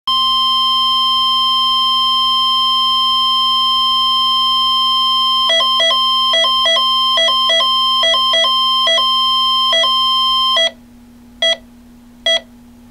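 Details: Sound-effects library recording, not a real patient: a heart monitor's continuous flatline tone breaks into regular electronic beeps, then single beeps at a steady, normal rate.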